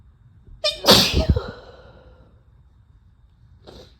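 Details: Female sneezes, deliberately induced and spliced from single and double sneezes: a brief voiced intake, one loud explosive sneeze, then after a pause the start of another.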